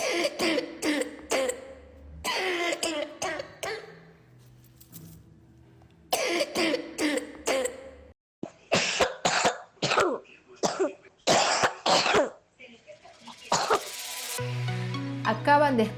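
A series of coughs from a child in several distinct styles: harsh, rough bursts in quick clusters, then sharper, drier repeated coughs, with a faint musical tone underneath. Cough is the body's forceful clearing of the airways, and its character can differ between illnesses.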